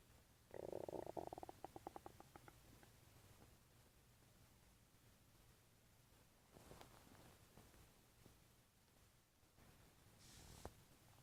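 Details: Loud gurgling stomach rumble opening, then softer bubbling and gurgles (borborygmi) against quiet room noise.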